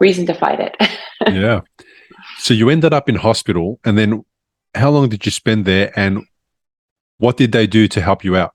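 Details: Adult male speaker (podcast host); normal fluent speech.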